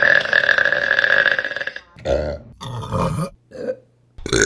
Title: Burping Compilation April 2023 #4 | RBC